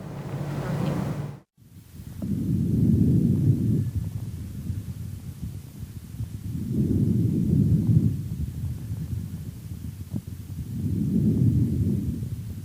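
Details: Pediatric auscultation teaching recording: soft, low, rustling breath sounds rising and falling about 15 times a minute without harsh notes: normal vesicular breathing.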